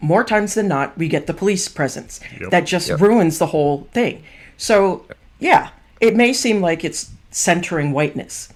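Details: Adult; typical speech.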